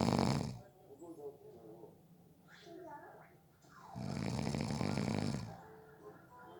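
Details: Snoring during a nap, from someone said to have fallen asleep within 30 seconds: two loud, rough snoring breaths about four seconds apart, with quieter breathing between them.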